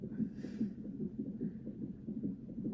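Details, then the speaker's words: Fetal heartbeat of a baby girl on a monitor at 33 weeks 6 days of an IVF pregnancy with preeclampsia, the night before induction: fast, rhythmic whooshing pulses. "as you can hear the baby on the monitor her heartbeat"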